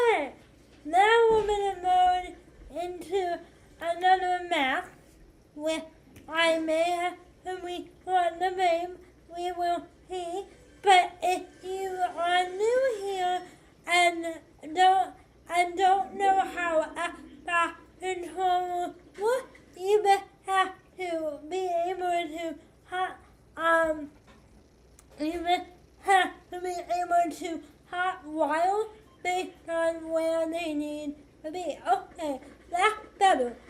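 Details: 25-year-old woman with cerebral palsy affecting hand movement and walking; speech during a live gaming stream; speech in cerebral palsy.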